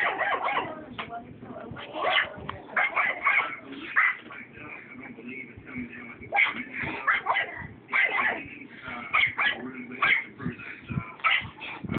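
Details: Dog's wheezing bark: repeated hoarse, airy barks with a wheezy, whistling quality between them.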